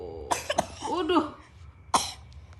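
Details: Dog coughing during play/exercise: three short, sharp cough bursts with a brief throaty voiced sound between them.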